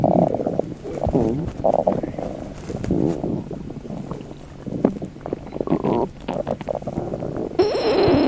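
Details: Continuous low gurgling and bubbling stomach rumbles with warbling tones, gas and fluid moving through the bowel: borborygmi.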